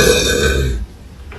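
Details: A loud, low, rumbling voiced belch lasting under a second, then quiet room sound; an ordinary burp.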